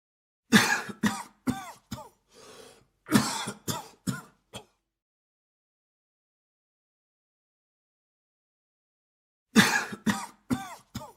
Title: Hombre con Tos Efecto de Sonido - Man Coughing Sound Effect 🔊